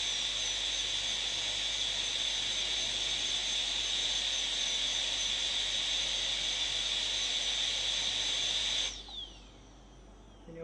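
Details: Continuous shrill whine of a high-speed dental drill for about nine seconds, then winding down, during tooth preparation for a PFM crown.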